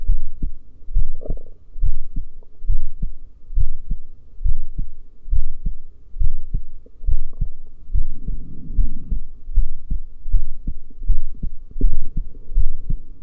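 Steady low thumping heartbeat at about 70 beats a minute, heard through a stethoscope; normal heart sounds at the valve listening areas.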